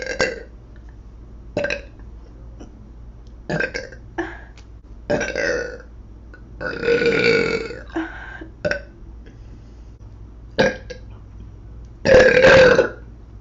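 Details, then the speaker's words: A young woman burping while eating: about nine loud, throaty belches of varying length, some drawn out, over steady room hum. "uh a little frog burp"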